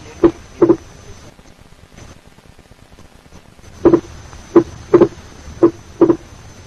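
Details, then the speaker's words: Wide, fixed splitting of the second heart sound over the pulmonary area, due to a delayed P2 in atrial septal defect, with no respiratory variation in the split through inspiration and expiration. "Compare this with the wide and fixed splitting of the second sound over the pulmonary area due to a delayed P2 in atrial septal"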